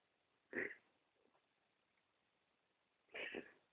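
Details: Cat named in the recording, wheezing in the morning: two short, harsh, noisy breath sounds with quiet room noise between; wheezing.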